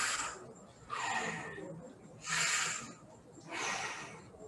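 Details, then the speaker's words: Bronchial breathing: harsh, hollow, blowing breath sounds with a gap between inspiration and expiration; heard in consolidation such as pneumonia or localized fibrosis. "quality it's like blowing and there's a gap in between that's called bronchial breathing"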